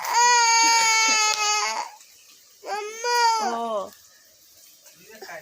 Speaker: mama इनकी तबीयत नहीं ठीक है इसीलिए रो रही है इनको जुकाम है बुख और खांसी